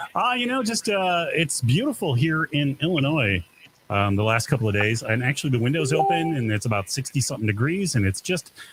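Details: Adult man; typical speech.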